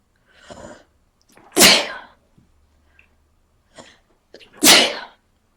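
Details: Person with a cold, very sneezy: two loud sneezes, each preceded by a short indrawn breath.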